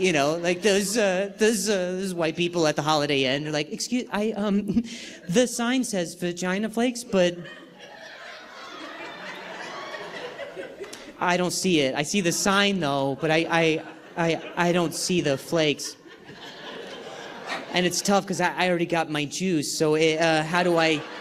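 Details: Stuttering in an adult male comedian performing live on stage, who says he has not stuttered this badly in a long time and has had involuntary sounds and tremors this week.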